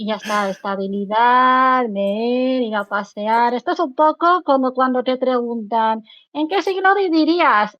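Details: Adult woman speaking Spanish; ordinary speech.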